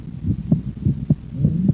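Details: Physiological splitting of S2 with breathing: S1–S2 single on expiration ("out"), S1–A2–P2 split on inspiration ("in"), as inspiration draws more blood into the right ventricle, delaying pulmonic valve closure.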